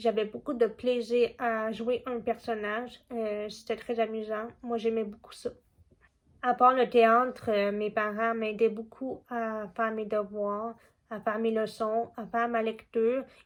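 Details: Young woman deaf since childhood from a genetic condition, hard of hearing even with her cochlear implant, speaking French; learned spoken French from age 4, speech therapy from age 2½ to 12; deaf speech (cochlear implant user).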